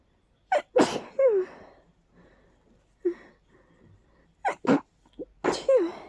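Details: Powerful, stuffy, stifled sneezing fit during an allergy flare after a day of nasal stuffiness: a run of sharp sneezes in close succession with quick in-breaths between.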